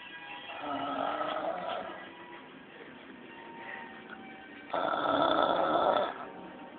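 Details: Adult man (a dad) asleep on the sofa, as he is every night, snoring: two long, rough, rattling breaths in through the nose with a quiet pause between, and faint music in the background.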